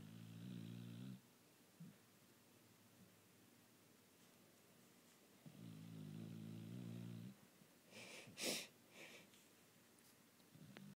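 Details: Female dog snoring loudly: two long, buzzing, rumbling snores about four seconds apart, with a short snort and sniffing near the end; snoring.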